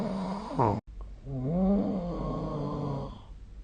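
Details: Snoring recorded with the SnoreLab smartphone app during sleep: loud, harsh, droning snoring with a wavering, tonal edge across the breaths; ordinary heavy snoring.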